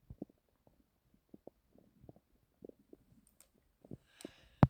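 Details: Irregular soft low gurgles and brief rumbles from the belly, recorded while trying to sleep; ordinary bowel sounds (borborygmi).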